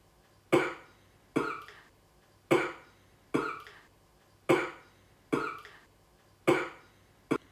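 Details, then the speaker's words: Simulated female patient at triage with a three-day cough, already taking natural-based syrups; she suspects polluted air and has sharp, stabbing chest pain on inhaling. Eight short, sharp, dry acted coughs in about seven seconds, evenly spaced. "три дена ја имам оваа кашлица. веќе земав некои на природна база сирупи, ама"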